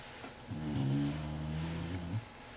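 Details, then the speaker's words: Dog (Bailey, female) sleeping in her little bed, snoring: a single low, droning rumble of about two seconds against quiet room noise, recorded live in real time. Snoring. "Bailey's over there in her little bed snoring. What would we do without Bailey snoring? I don't know."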